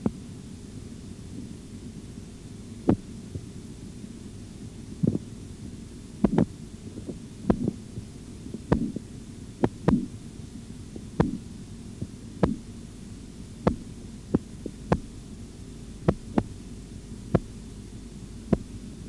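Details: Korotkoff sounds in an auscultatory blood pressure training exercise with a bradycardic patient: sharp taps over a steady hum as the cuff deflates. The first few sounds are irregular and not counted, then regular tones follow.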